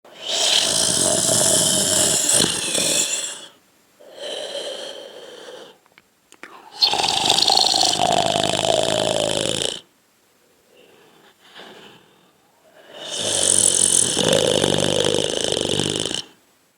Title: Snore Sound Effect